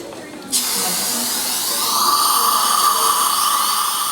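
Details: Soft background sounds, then a high-pitched dental drill whine starts and holds steady, with a lower cutting tone as it prepares a male patient's tooth for a CEREC crown, checking clearance from opposing teeth.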